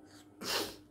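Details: Deliberate sneeze performed for a sneezing and cough challenge with a hanky: a quick breath in, then one sharp, hissing sneeze.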